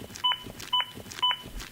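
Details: Three evenly spaced electronic beeps, about two a second, from a training AED pacing chest compressions during a community CPR and AED demonstration.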